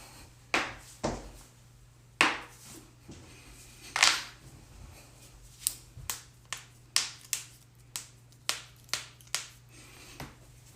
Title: loud back crack and more cracking compilation vol.1